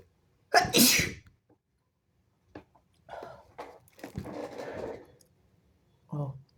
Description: i've sneezed all over my phone! excuse me!